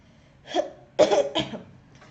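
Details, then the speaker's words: Adult woman with a cough and a little fever gives three short dry cough bursts in a quiet room, the last two close together; cough. "i'm really sorry about my voice so i'm having a cough and a little fever and that's the reason okay"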